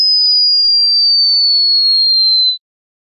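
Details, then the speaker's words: High-frequency hearing test tone, non-clinical, meant for enclosed headphones in quiet conditions: a steady, pure, very high-pitched tone gliding slightly lower over about two and a half seconds, then stopping. "pause the video as soon as you start hearing a high pitch sound in order to see your results"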